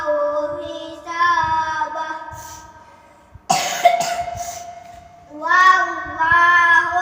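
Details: Single short dry cough interrupting a child's melodic chanted Quran recitation (tadarus), after which chanting resumes.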